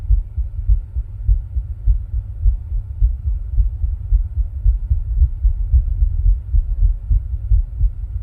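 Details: Own heart sounds recorded with ECG while rebreathing into a plastic bag: muffled low thumping, regular heartbeat at roughly 105 beats a minute over a steady low hum.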